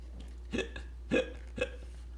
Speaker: excuse me class i have the hiccups